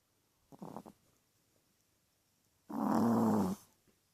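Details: Small teacup Chihuahua, female, snoring: a short fluttering snort, then one loud rasping snore lasting about a second.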